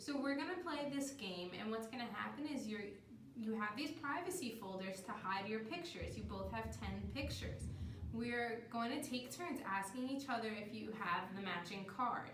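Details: Adult woman, clinician giving instructions; Normal speech.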